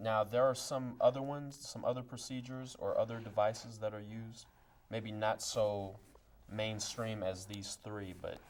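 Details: Adult male speaker; typical speech.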